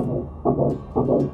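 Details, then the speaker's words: Early pregnancy ultrasound, first time hearing the heartbeat, yolk sac still visible: rhythmic whooshing pulses of a fetal heartbeat on Doppler, a normal finding. "even though I was alone it was amazing to see the baby and hear the heartbeat for the first time"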